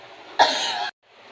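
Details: Effective cough technique demonstrated in a chest physiotherapy tutorial: one strong, deliberate cough lasting about half a second.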